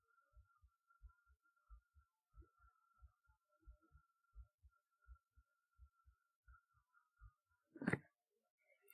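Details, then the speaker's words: Regular paired low thumps of an adult heartbeat, about 87 beats a minute, with a faint steady hum, picked up by a 3Dio binaural ASMR microphone placed over the chest. "Um, you can hear my heartbeat through this."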